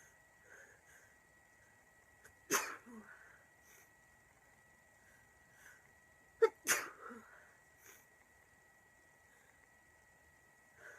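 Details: Girl with a really bad cold who can't stop sneezing: two sharp sneezes, each with a brief intake before it, over a steady background hum; a cold sneezing attack.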